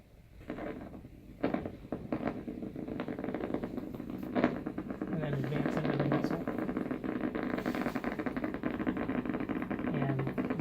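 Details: Needle EMG of the upper trapezius during a voluntary shoulder shrug: dense crackling, rapid popping that builds as the muscle contracts, with a low background hum; normal voluntary motor unit potentials.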